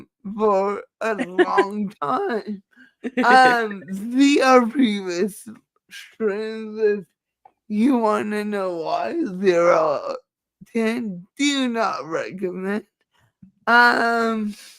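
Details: Dysarthria due to cerebral palsy in a female speaker, who states it is why she talks this way and that nothing can be done about it.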